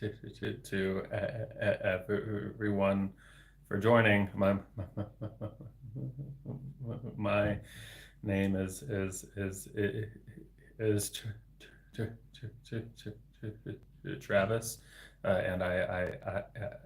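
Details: Adult man with developmental stuttering, a speech-language pathologist, speaking spontaneously in a real solo livestream; word repetitions audible; stuttering.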